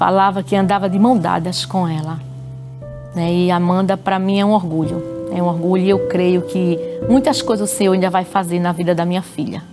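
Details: Adult woman speaking Portuguese; ordinary speech.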